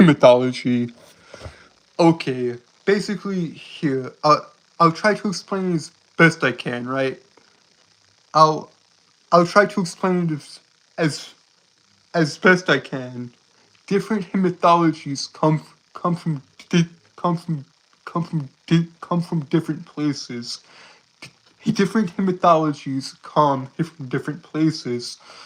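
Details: Stuttering with repetitions of words and phrases in a male streamer who reports a speech impediment he finds severe and hard to handle.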